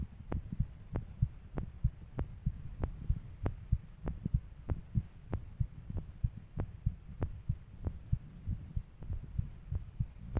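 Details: Regular, low, thumping, mildly fast heartbeat at about 95 beats a minute over a low hum.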